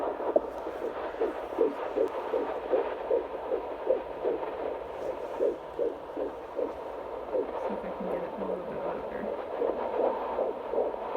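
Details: Fetal Doppler during a doctor's visit, baby girl moving: fast, steady whooshing pulses at about 150 to 160 beats a minute, a normal fetal heartbeat.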